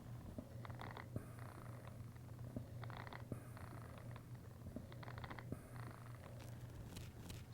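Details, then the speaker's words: Stethoscope over a SimMan patient simulator chest: rhythmic squeaking and rubbing each time the chest rises, over a steady low mechanical hum; a mechanical artifact, not a breath sound. "that's the sound of the mechanical part s moving and rubbing together inside Sim men's chest"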